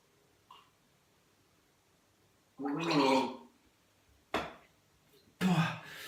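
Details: Whooping cough (pertussis) coughing episode in a person who describes waking at night coughing, unable to breathe in for about 30 seconds, with panic, and suspects vocal cord closure (laryngospasm).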